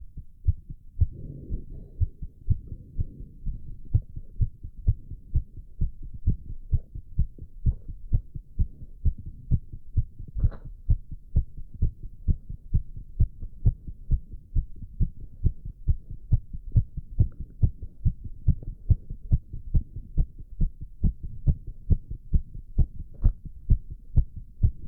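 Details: Male's fast, steady heartbeat around 130 beats a minute while doing squats, with heavy breathing noise early on and then recovery; exercise-induced sinus tachycardia.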